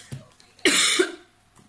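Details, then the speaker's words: One abrupt, harsh cough with a brief second push from an adult woman ill for several weeks with hoarse voice, regular coughing and slightly runny nose, in a quiet indoor room. "J'ai la voix enrouée, je tousse régulièrement, j'ai tendance à avoir le nez qui coule légèrement."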